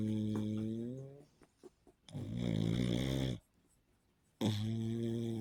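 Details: Loud, droning, vibrating snores with rattling breaths between and short quiet gaps, from a sleeping pug; snoring in a short-nosed dog.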